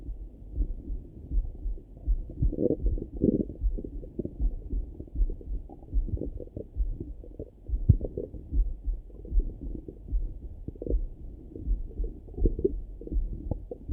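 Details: Morning stomach rumbling through a stethoscope: irregular low gurgles and rumbles; active bowel sounds (borborygmi).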